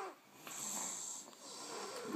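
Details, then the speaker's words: Two sleepers snoring together: rough, hissing snoring breaths with overlapping noisy airflow in a quiet room; snoring. "Who winning? They having a snore-a-thon."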